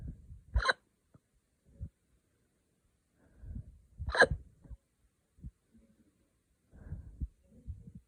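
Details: Two sharp, abrupt hiccups about four seconds apart with quiet breathing and faint movement noise between, from an adult who drank wine too fast.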